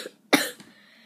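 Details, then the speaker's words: One sharp, harsh cough burst followed by quiet, from a 12-year-old boy sick with a bad cold who was given a breathing machine and lots of medicine. "Today I'm sick again. I'm really sick. My mom had to give me this breathing machine, and then I had to take lots of medicine."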